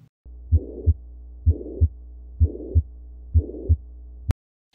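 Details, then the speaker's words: Pansystolic (holosystolic) murmur from blood moving from the left ventricle to the right ventricle throughout systole: regular heartbeat about 64 per minute, with a steady murmur filling the whole gap between the first and second heart sounds. "And for sure, the blood from left ventricle will move towards the right ventricle producing that abnormal sound. And that is throughout the systole. And hence giving holosystolic or a pansystolic murmur."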